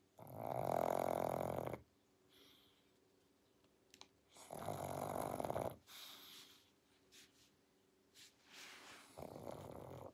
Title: | SLEEPING WITH A PUG | Pangpang the Pug 2021 pug sounds, snoring and snorts |